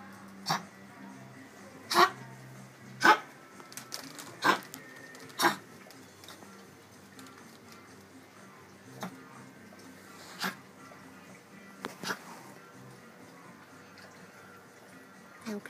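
A dog gives a string of short, sharp coughs, about eight or nine, spaced irregularly over fifteen seconds.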